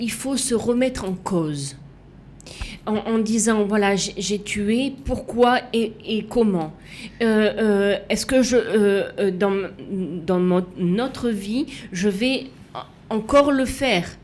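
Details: Woman left with lasting aphasia, a language disorder, and right-sided hemiplegia after an accident and coma; for years she could not place her tongue correctly and fought 7 years to relearn walking and speaking; residual speech difficulties; aphasia.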